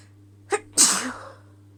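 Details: Hitching sneeze from a female: a single sneeze with a short catching inhale before the sharp burst.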